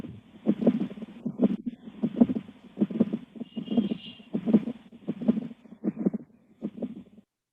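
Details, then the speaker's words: Continuous rumbling machinery murmur of patent ductus arteriosus with regular heartbeats near 78 a minute, played during a teaching webinar. "now a very characteristic clinical sign known as a machine dream like mama you you're going to see machinery like murmur on auscultation which is a characteristic sign"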